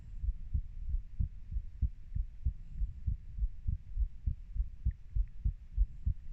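Muffled, regular low heartbeat thumps at roughly 95 to 100 beats a minute, with soft background hiss.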